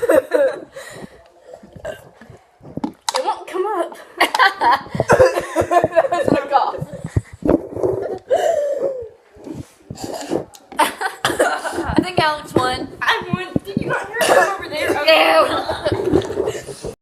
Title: Burping contest